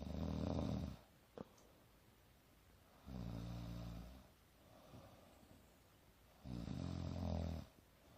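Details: Young woman snoring during sleep: loud, low rattling snores on breathing in, about three in eight seconds, separated by quieter breathing out; ordinary snoring.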